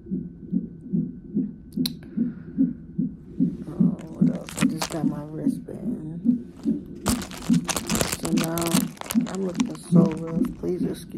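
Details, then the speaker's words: Woman 34 weeks pregnant in labor and delivery triage with severe pain and pressure, possibly Braxton Hicks. A good, strong fetal heartbeat on the monitor: rapid, regular whooshing pulses about 146 a minute with brief rustling. Normal. "um 37 is like the term so let's see what she says but she has a very good strong"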